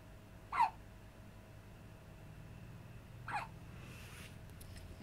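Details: Infant hiccups: two short, sharp hiccups about three seconds apart in a quiet room; the baby is moving its whole body.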